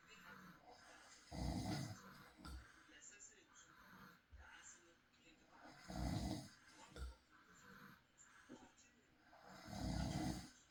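Deep, rumbling snores on each breath in, about 14 breaths a minute, with quiet room noise between them.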